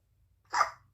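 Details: A single short, sharp gulping sound from a baby in a quiet room right after spitting up, just after eating; infant hiccup.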